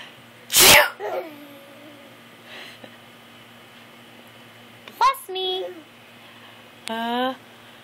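One loud, sharp sneeze burst, followed by brief spoken replies from other people in a quiet indoor room: an ordinary sneeze.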